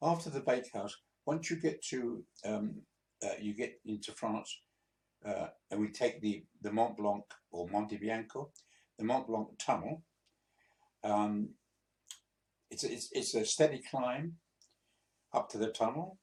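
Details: 82-year-old man, a few months after a mini stroke, in speech recovery; hesitant speech with word repetitions; the finding is hesitant speech after a mini stroke.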